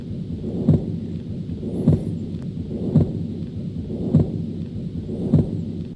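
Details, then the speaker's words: Continuous machine-like murmur heard through systole and diastole, with a steady heartbeat near 50 a minute and a rumbling murmur continuing between beats, typical of patent ductus arteriosus. "this causes a continuous murmur meaning it's present in syy and diast and the murmur is classically described as a machine like murmur I'll play you an example of that"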